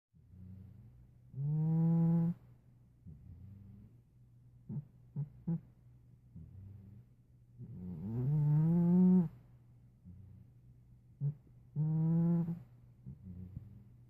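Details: Nearly 5-year-old former stray cat snoring loudly: tonal, rattling snores on each in-breath, three in about fourteen seconds, with soft breathing and small snorts between.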